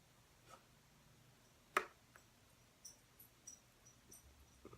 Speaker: Apologize for that noise, my dog just sneezed.